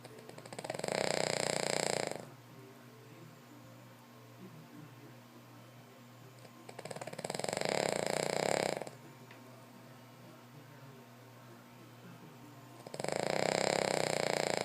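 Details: King Charles dog snoring: loud, regular snorting snores about every six seconds with quiet breathing between.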